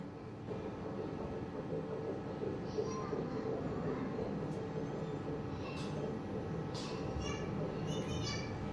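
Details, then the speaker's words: Fast, rushing whoosh-like pulsing of a normal fetal heartbeat picked up by a Doppler monitor. "तो चलिए हम सुनते हैं बच्चे की हार्ट बीट सबसे फर्स्ट टाइम में।"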